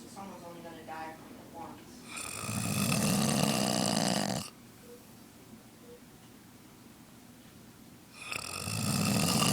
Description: Serious snoring.